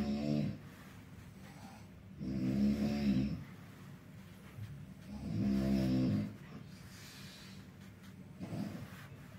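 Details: Loud, rough, fluttering snores on each breath, about 20 breaths a minute with quiet gaps, from a neighbouring hospital patient behind a curtain; snoring.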